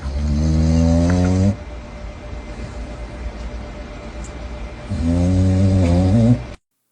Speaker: Like someone walked into the into their shop, heard snoring, opened a drawer, and there was just a raccoon chilling. Submitted for your approval. A snoring raccoon.